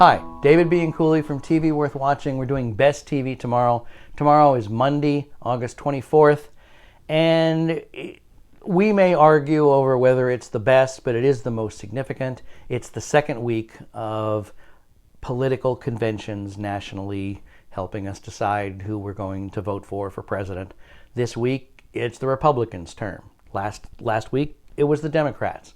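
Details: Adult male speaker; normal speech.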